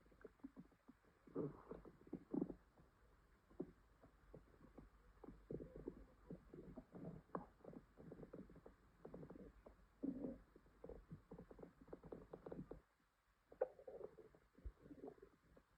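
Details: Female with an upset stomach, possible diarrhea and stomach ache: quiet, irregular low gurgles and rumbles with brief pauses, active bowel sounds (borborygmi) of stomach growling.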